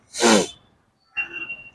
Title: Aapko chheenk kyun aaati hai???#sneeze #health